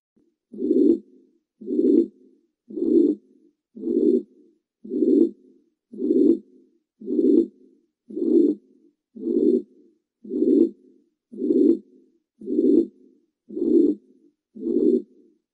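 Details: Quiz case: 76-year-old woman with shortness of breath, murmur heard radiating to left axilla; regular heartbeat about 56 a minute, each beat a long blowing whoosh: mitral regurgitation murmur.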